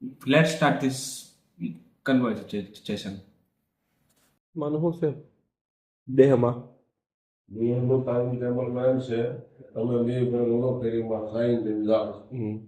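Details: Adult man who stammers, practising daily in a fluency series (Day 17), in a recorded Gujarati conversation with his father; stuttering.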